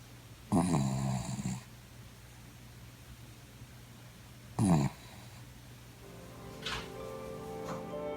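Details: Dachshund snoring while asleep; two loud, rough, rumbling snores a few seconds apart, with soft music in the background.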